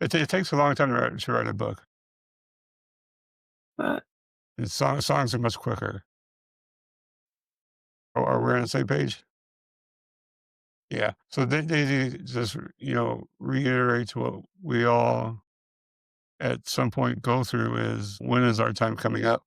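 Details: Man with multiple system atrophy, parkinsonian type (MSA-P), who reports his speech has more of a stutter and tremor, more noticeable after the first two minutes; dysarthria in multiple system atrophy.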